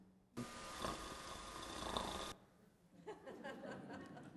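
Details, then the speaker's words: Snoring recorded for a sleep medicine lecture: a harsh, rattling snore of about two seconds from the soft palate vibrating against the throat wall; a palate stiffening procedure is the treatment if it persists. "if it persists beyond that and it's really a problem then then typically the treatment is a pallet stiffening procedure uh makes it so it doesn't vibrate as easily"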